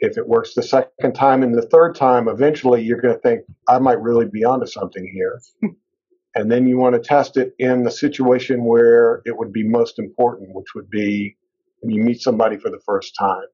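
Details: Adult male speaker; fluent speech.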